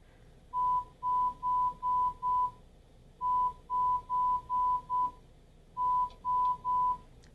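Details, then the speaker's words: Pure-tone audiometry at 1,000 Hz in a young female patient: short, steady single-pitch beeps in groups of three to five with gaps, going down 10 and up 5 dB to confirm a threshold of 0 dB HL. "So I would go down 10. I present again. I go up 5 until she hears it."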